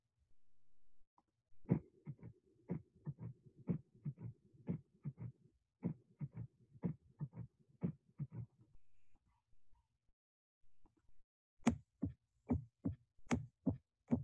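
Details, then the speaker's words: Third heart sound (S3 gallop), left-sided S3 best heard at the left ventricular apex: low, dull heart sounds at about 60 a minute, each beat followed by an extra soft thud. "a left-sided s3 is a low-pitched sound best heard over the left ventricular apex"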